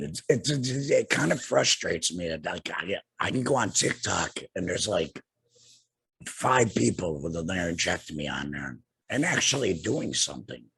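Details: Adult man two years after total laryngectomy for cancer, also treated with radiation and chemotherapy; no larynx, breathes through a neck stoma, speaks via tracheoesophageal puncture voice prosthesis with an HME: tracheoesophageal speech.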